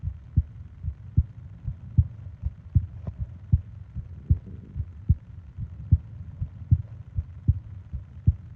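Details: Steady low thumping heartbeat, about 76 beats a minute, with a faint hum underneath; an ordinary normal heartbeat in a sleep ASMR heartbeat-and-breathing recording.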